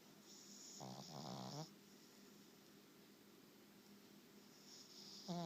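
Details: Soft, fluttering snores with quiet breaths between, from a dog napping in a small room; snoring.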